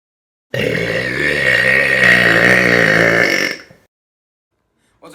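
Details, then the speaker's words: Burping after drinking soda: one long, loud, rumbling burp lasting about three seconds; burping. "It's here, and today we're going to be burping with soda."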